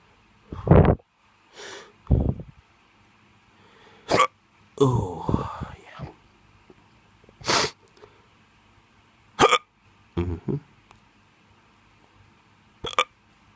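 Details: Drunk hiccups: abrupt, sharp voiced catches at irregular intervals, about nine over thirteen seconds, with quiet breathing between them.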